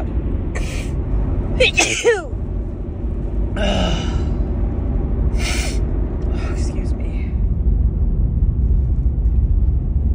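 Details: Woman with a cold or allergies sneezing repeatedly: a few quick, sharp inhalations and bursts, including a voiced sneeze, over steady rumbling background noise.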